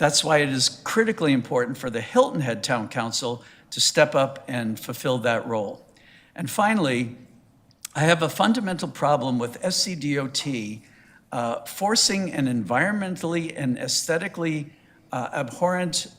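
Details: Adult male speaker; normal voice.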